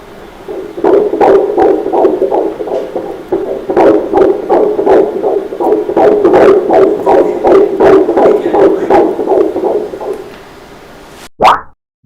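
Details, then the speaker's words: Fetal heartbeat on ultrasound Doppler at 14 weeks of pregnancy, measured about 164 beats per minute: rapid whooshing pulses at a normal fetal rate. "अब हम आपको इस foetus की fetal heart rate यानी कि F H R यानी कि इसकी जो दिल की धड़कन है उसकी रफ्तार आपको बताएंगे कि कितनी है"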